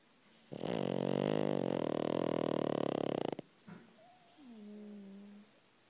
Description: A snoring pug. he is 5 years old. His name is Frank.